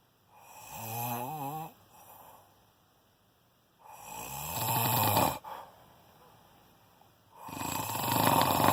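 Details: Person snoring at 4:40 am on the second night recorded: loud rattling snores on inhalation, about three in the clip, with quiet pauses between.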